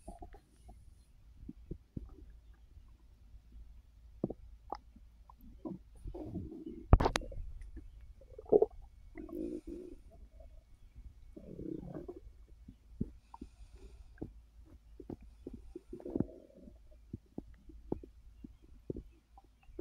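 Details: Resting on an overfull stomach after snacking: soft scattered gurgles and bubbling clicks with occasional longer rumbles; normal active digestive bowel sounds (borborygmi) after a large meal.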